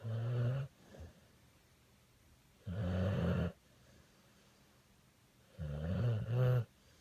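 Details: Bully pit dog snoring in sleep: deep, rumbling snores, three breaths in seven seconds, about 20 a minute, with quiet pauses between.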